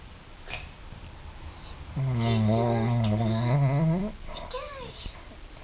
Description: Dixie the pug is a snorer, she snores worse than any old man!!!